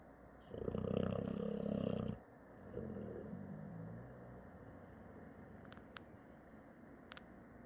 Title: Zeus snoring 💤